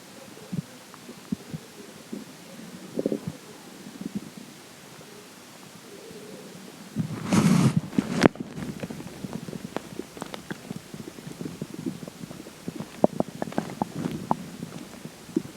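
Low gurgles and rumbles with scattered bubbling pops and a louder growl midway: stomach growling from gas and fluid moving through the gut.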